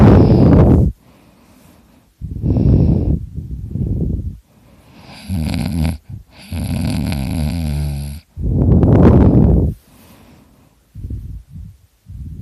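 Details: Loud, rough, rattling snores on each breath, some with a harsh fluttering buzz, separated by quiet pauses; heavy snoring.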